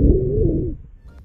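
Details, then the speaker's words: Simulated virtual patient, a 12-year-old boy with asthma diagnosed three years ago, in a suspected exacerbation. Chest auscultation gives high-pitched, musical, continuous wheezing, mostly on expiration, with a sliding pitch over breath noise. "specifically we heard wheezing these are high pitched musically continues sounds that are mostly hurt over expiration because that's the moment with the air pass through narrower airways just like the way a whistle makes music"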